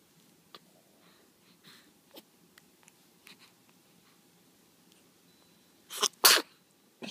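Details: Quiet sniffing and small noises, then two sharp sneezes close together near the end, a third starting, from someone looking around who smiles after sneezing; sneezing.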